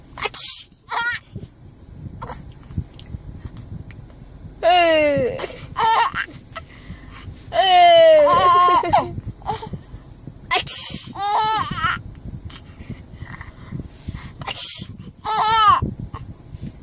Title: Happy baby laughing when mommy sneezes